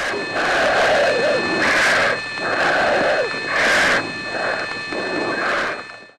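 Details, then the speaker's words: Spontaneous otoacoustic emission recorded from the ear: loud heavy breathing in the foreground over a faint, steady, dial-tone-like hum, which is the ear itself making sound. "You can hear a heavy breathing sound, but in the background there's something that kind of sounds like a dial tone, and that's the otoacoustic emission."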